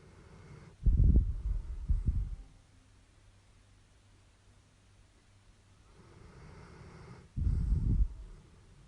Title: Dog Snoring Sound Effect 1055